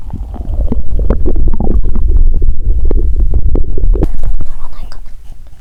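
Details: Bowel sounds (borborygmi) recorded close to an adult's abdomen about 3 hours after a meal, while lying down and after drinking lots of water: frequent low gurgles and rumbles of active digestion with watery sloshing.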